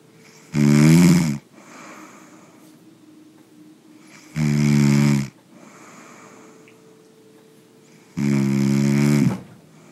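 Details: Snoring during sleep: three loud, deep rumbling snores on breathing in, about 15 breaths a minute, with soft breathing out between.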